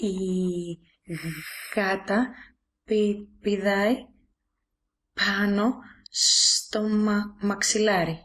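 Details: Acted stuttering voiced for a male animated character introduced as someone who sometimes stutters, in Greek; portrayal, not a real patient; stuttering.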